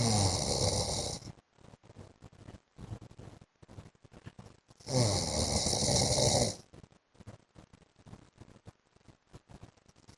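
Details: Adult man (husband) snoring in sleep: loud harsh rattling snore, then quieter snuffling breaths, then another loud snore; typical adult snoring.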